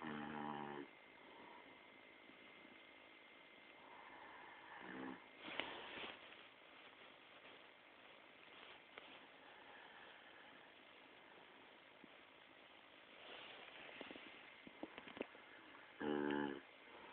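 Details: Very loud snoring from a sleeping father: rough, rattling snorts on breathing in, recurring every several seconds in a quiet room.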